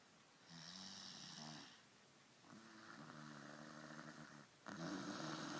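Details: Sleeping female snoring while someone plays with her nose to change the sound: two or three drawn-out, buzzy, slightly tonal breaths in a quiet room.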